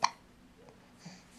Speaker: all right we're going to try to get rid of these hiccups and figure out how not to have such a shadow when i have a little thing